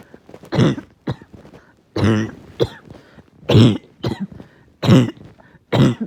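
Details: Uncontrollable, really bad barking cough at night that knocked the wind out of the person: five harsh, deep, barking coughs in a row with brief gaps between.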